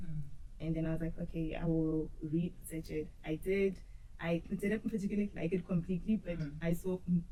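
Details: Adult woman who says she stutters and used to struggle a lot with stuttering; stuttering.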